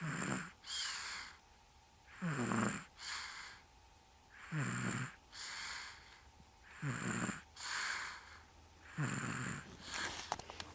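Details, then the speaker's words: Snoring from a sleeping dog named Chase: steady rhythmic snoring, a rattling snore on each breath in and a hiss out, about 26 breaths a minute. "Okay, this is Chase snoring."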